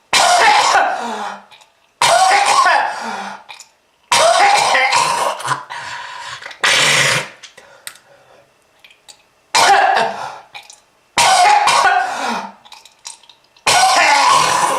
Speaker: that red color is not from fruit punch kids if you want this to happen to you just keep smoking this is lung disease